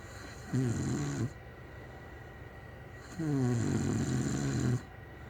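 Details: Snoring in bed next to the recorder: two loud, rattling inhaled snores with a pause between them.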